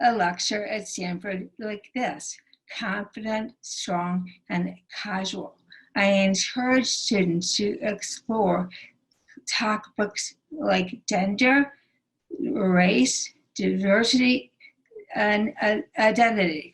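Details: Aphasia in a female stroke survivor, present since her 2011 stroke and recorded June 2020; the stroke initially took away all her speech.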